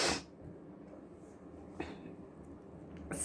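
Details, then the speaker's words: Adult sick with a viral cold caught from a contact, with cough and sore throat: sharp, hissing bursts of air in a quiet room; sneezing during a cold. "so that's what's been happening today coughing sneezing trying to drink tea gargling salt water and vinegar trying to like get rid of this virus whatever i have"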